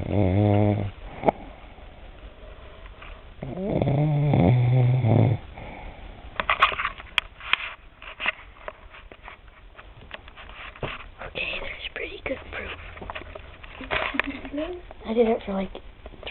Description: My grandma snoring